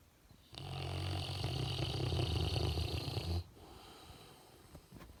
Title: Roncando